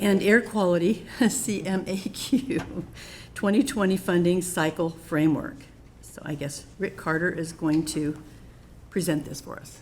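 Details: Adult woman speaking; Normal speech.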